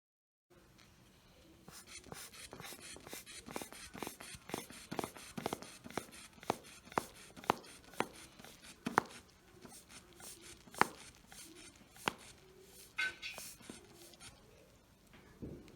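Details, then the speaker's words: Manual resting blood pressure measurement with cuff and stethoscope on a younger brother, with hand-bulb inflation squeezes, then quieter clicks during deflation. Reading was 124/72, slightly elevated, possibly from caffeine and soda taken earlier. "so i was able to measure henry's blood pressure to be 124 over 72 which is slightly elevated blood pressure"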